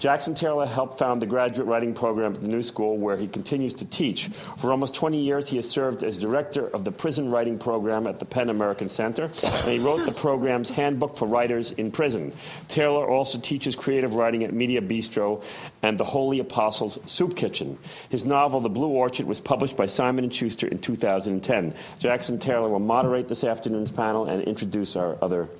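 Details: Adult male speaker; normal speech.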